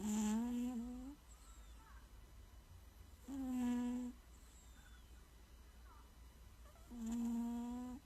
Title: Does your cat snore 😂😴